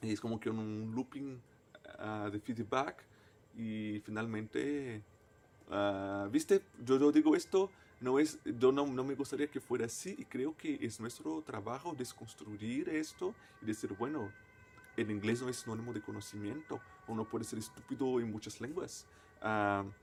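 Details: Person who stutters, a native Portuguese speaker speaking Spanish as a foreign language; stuttering.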